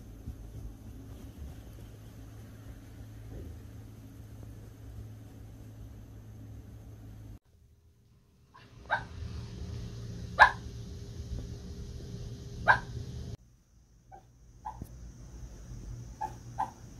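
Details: Soft, muffled woofs and brief whimpers from a sleeping pet dog, likely a Bichon, that often dreams and talks in its sleep: harmless dream vocalizations.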